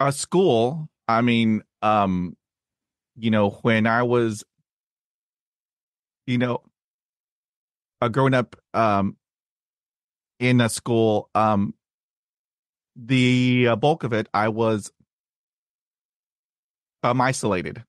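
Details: Stuttering since childhood in an adult man, with speech therapy at age 5 and in his 20s; blocks and repetitions, especially on cold reads.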